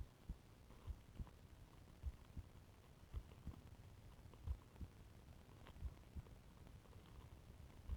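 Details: Self-recorded heartbeat through a stethoscope with ECG during deliberate breath-holding (plastic bag and pillow): after initial tachycardia, slow, steady paired heart sounds, about 47 beats a minute, below 50 bpm. Bradycardia.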